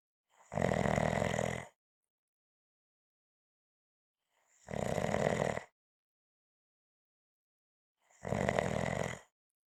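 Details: Three loud, harsh, groaning snores about four seconds apart with silence between; heavy snoring.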